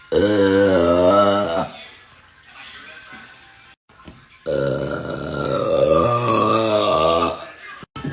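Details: Adult woman (mother) burping hard: two long, loud, voiced belches with quiet music in the background; ordinary burping.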